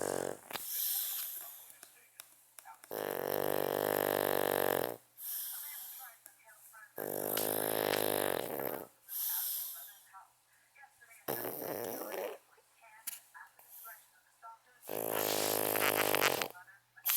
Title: PUGGYSNORE Pug Dog Snoring Loudly